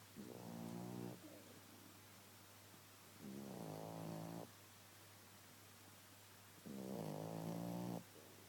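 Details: Yoda napping and snoring loudly: three loud, rough, buzzing snores about 3 seconds apart, roughly 19 a minute, over a steady low room hum; ordinary animal snoring.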